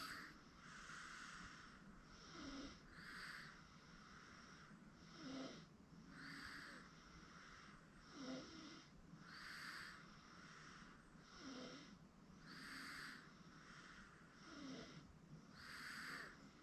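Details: 8-month-old girl asleep on a futon, softly snoring: noisy breaths about every three seconds, roughly 19 a minute, over a steady room hum; infant snoring.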